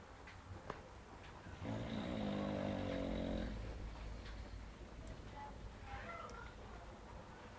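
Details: Two bulldogs snoring: a low, buzzing snore through one long breath over a steady background hum, then quieter breathing.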